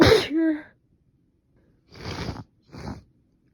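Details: Woman sneezing repeatedly just after waking in the morning, later nose stuffed up: one sudden explosive sneeze ending in a short voiced tail, then two softer breathy bursts; sneezing.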